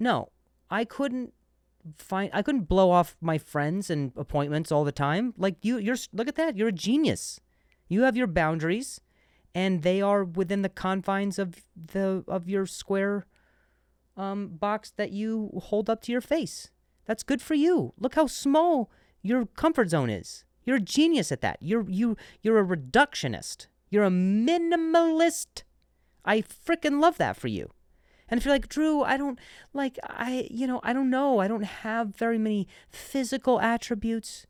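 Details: Adult male comedian who stutters and says he once stuttered on a word and switched to a different one; word repetitions; stuttering.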